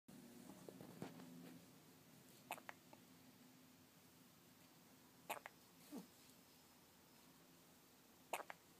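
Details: Hiccups.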